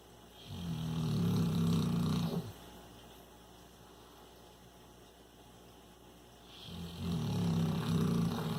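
Two long, loud, low rattling snores separated by a quiet pause, steady and rhythmic; typical sleep snoring.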